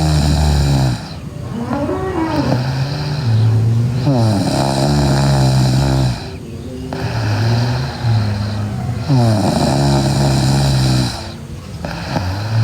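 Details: Sleeping girl with loud, rough snores on each breath in, separated by brief quieter breaths out: steady snoring during sleep.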